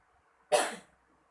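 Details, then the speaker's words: Adult woman patient during nursing chest physiotherapy demonstration, asked to take a deep breath then cough effectively to expel phlegm: one strong, forceful cough; sputum afterwards reduced. "Ibu, selanjutnya saya akan meminta Ibu untuk batuk efektif, dan saya akan meminta Ibu juga untuk tarik nafas dalam, dan untuk mengeluarkan dahaknya bisa di dalam sini ya Bu."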